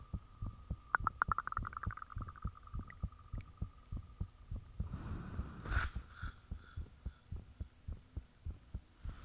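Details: Own heartbeat self-recorded with the fan off, shortly after the heart began feeling very thumpy; valve and blood-rushing sounds noted. Strong, regular low thumps at about 100 a minute with a faint steady hum; forceful heartbeat.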